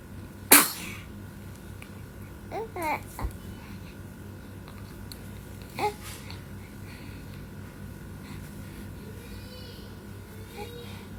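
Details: Four-month-old baby gives a single sharp sneeze, followed by a few soft baby vocal sounds in a quiet room; sneeze.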